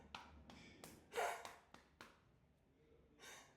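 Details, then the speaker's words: Dog that swallowed a hair in the morning and has it stuck in its throat: several sharp snorting, hacking bursts with short gasps between, in a quiet room; gagging. "El Jaco como se se tragó un pelo la mañana, así que como que lo tiene un poquito como pegado ahí."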